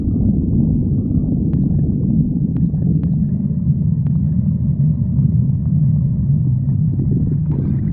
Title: Pan stomach growling 55